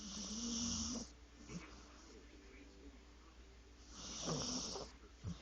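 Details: Sleeping pet gives two rough, rattling snores about four seconds apart with quiet breathing between: snoring.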